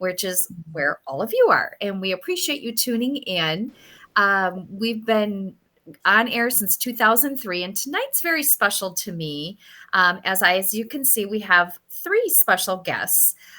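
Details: Adult woman; normal speech.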